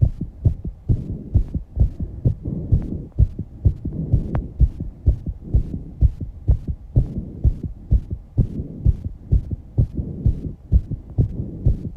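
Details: 19-year-old female after exercise, with heavy breathing and some breath-holding: rapid, regular low thumps at about 128 beats a minute with breathing noise underneath; fast heartbeat after exercise.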